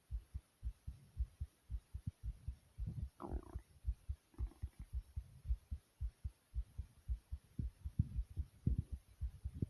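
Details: The uploader's own fast heartbeat.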